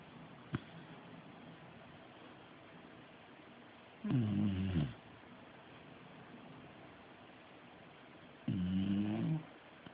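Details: Sleeping animal, Sadie, snoring: two rough, fluttering snores on in-breaths about four seconds apart, with quiet pauses between.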